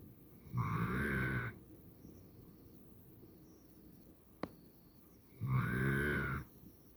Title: #stella is cute when she snores